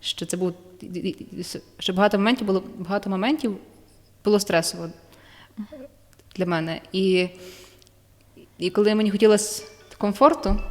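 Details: Woman with stuttering that worsens when she is nervous, with blocks and filler sounds; psychotherapy and breathing techniques are discussed as helpful methods; stuttering.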